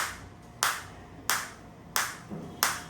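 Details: Focused (not radial) acoustic shockwave therapy device for physiotherapy, started at low intensity around 3–5 with frequency 90 and applied to the operator's own body: sharp, evenly spaced snapping shots about one and a half per second.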